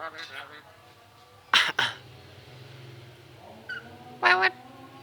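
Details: 8-year-old red-headed lory (nuri parrot) imitating a human cough among other human sounds; squawky chatter with a few short, sharp cough-like bursts, imitation rather than illness.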